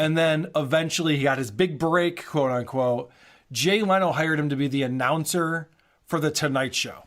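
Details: Adult male narrator; normal fluent speech.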